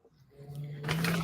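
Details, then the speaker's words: A single low, buzzing snore from a sleeping dog, swelling into a noisy rasp at the end. "y'all hear my dog yeah but but but the but the funny thing is you your dog snoring yes"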